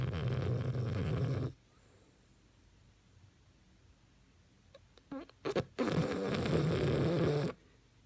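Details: Sleeping dog snoring: two long, loud rattling snores separated by a quiet pause, with a few brief snorts before the second.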